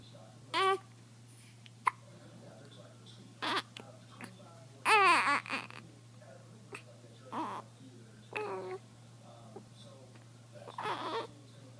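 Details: Hiccups: short, abrupt hiccup sounds at irregular intervals between soft babbling in a quiet room.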